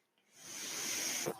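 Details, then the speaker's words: Soft airy hiss building over about a second and ending in a brief puff: a breath from the speaker's own home mechanical ventilator, recorded during his podcast. "my name is and that noise you're hearing is my Bentley"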